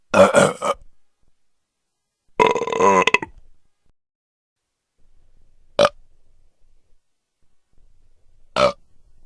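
Four separate burps of varying length, two long and throaty, two short, with silence between; sound-effect burps.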